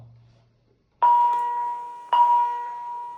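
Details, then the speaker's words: Capnography apnea alarm: two clear ringing tones about a second apart from a cardiac monitor with built-in capnography, signalling no exhaled CO₂ detected in an apneic patient. "And we also know that the patient is apnneic."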